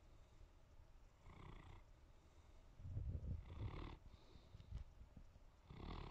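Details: Female Great Pyrenees lying on the couch in the evening after falling asleep, with quiet, low rumbling snores and soft, hissy breaths; gentle snoring.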